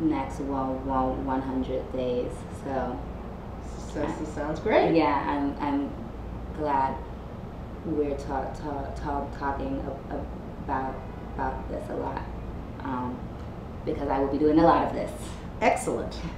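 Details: Adult female host who stutters, speaking with repetitions; stuttering.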